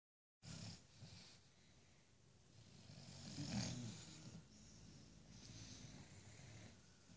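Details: Sleeping bulldogs napping together: soft, low rumbling breaths with a snort on each breath and one louder snort midway; gentle snoring.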